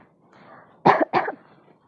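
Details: Demonstration of the correct way to cough (covering nose and mouth) for pandemic infection prevention; two short, sharp coughs in quick succession in a quiet room.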